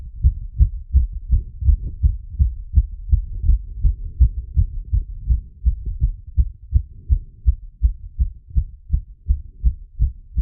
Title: Post workout heartbeat plus squats after #cardiophile #exercise #auscultation #heartbeats